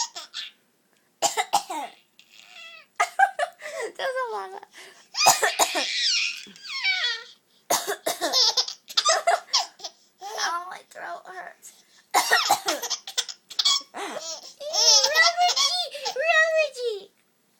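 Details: An 11-year-old girl gives deliberate, playful coughs, each answered by her 4-month-old sister's bright, squealing laughter; voluntary cough.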